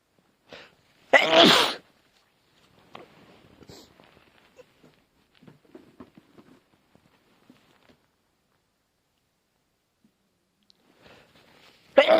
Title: Sneezing.. again